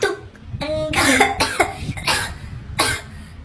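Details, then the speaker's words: A child acts out a few short, loose coughs in a family skit, so the cough is simulated; a faint tonal sound plays behind. "tuh kan bener batuk nggak batuk terus itu namanya apa"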